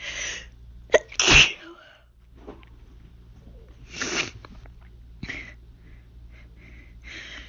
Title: Sneeze Vid #3 | Hayfever Fit